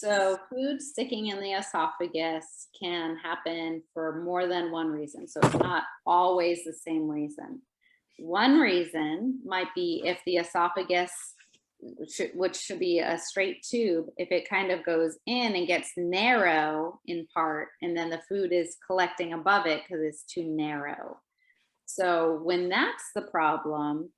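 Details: Adult woman speaking; Typical adult speech.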